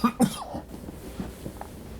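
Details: Coughing fit while recovering from a cough and pseudo-cold: two quick, forceful coughs with a voiced rasp, then a soft groan-like exhale in a small room.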